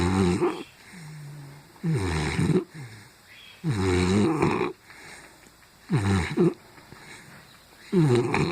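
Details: Sleeping pitbull dog snoring with a low, buzzing rumble on each breath, about 30 breaths a minute; ordinary snoring.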